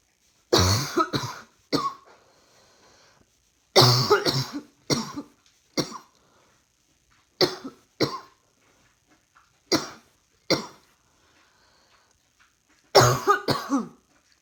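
About a dozen sharp, dry coughs, single and in short pairs, spaced by brief pauses in a quiet room.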